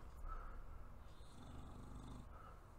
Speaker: not sure if you can hear my dog Jess snoring in the background. She's quite loud.